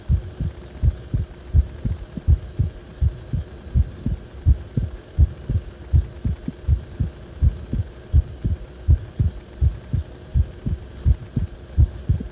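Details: Heart sounds recorded when the heart felt like it was acting abnormally: thudding beats at about 82 a minute, not fully even, over a steady hum; abnormal heart sounds.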